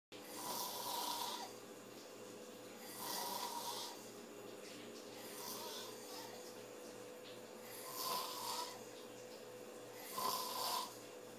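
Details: Five loud, harsh snores at fairly regular intervals over steady low room hum while a man sleeps; snoring.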